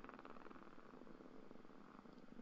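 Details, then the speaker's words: Quantitative needle EMG interference pattern recorded during continuous slight electrode movement with steady contraction: dense crackling rumble of overlapping motor unit discharges; mildly neurogenic interference pattern. "another way to do the interference pattern is by continuous uh recording and analyzing and continuous slight movement of the electrode like this"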